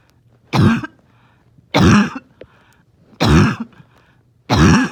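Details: Morning cough that makes it hard to rest: four harsh barking cough bursts about a second apart, with faint wheezy noise between them.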